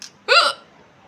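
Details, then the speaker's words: Woman's real loud hiccup during ongoing non-stop hiccups: a single sharp hiccup with a brief voiced squeak, then quiet. "ये मेरी real हिचकी एकदम जोरदार"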